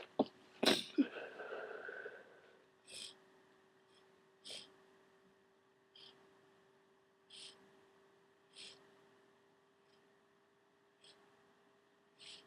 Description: Sooooo wet and snotty. Huge sneeze and nose blow at the end. Gone through a whole box of tissues today and no sign of this cold drying up.